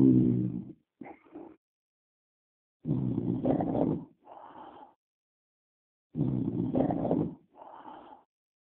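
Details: Loud, rough rattling inhalations, each followed by a softer whistling snort on exhalation, repeating about 18 times a minute: snoring.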